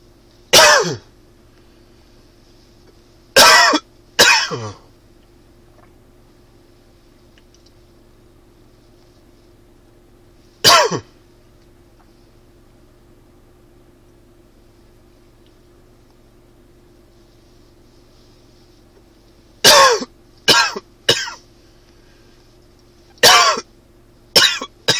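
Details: Springtime allergy cough: about nine short, sharp, dry coughs, some single and some in quick pairs, over a quiet background hum; dry cough.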